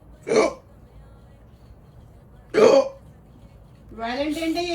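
Two abrupt, voiced hiccups about two seconds apart, followed by the start of speech. These are hiccups.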